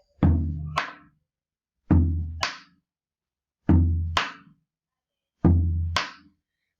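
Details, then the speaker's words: Simulated on musical drums for a semiology class: dull low first thump then sharp, cracking second beat; accentuated (loud) second heart sound. "si el ruido está intensificado sonaría así"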